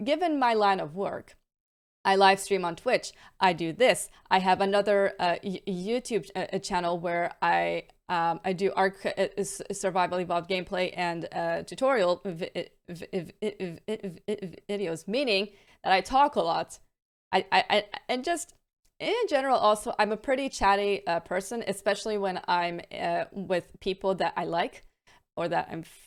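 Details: Adult female with a stammer, with repetitions, prolongations and blocks that vary day to day and worsen with stress and mental state; stuttering (stammer).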